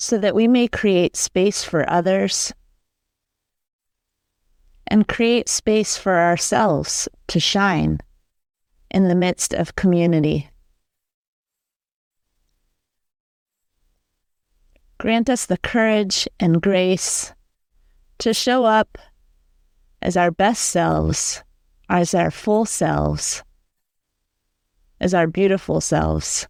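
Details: Adult speaker; normal speech.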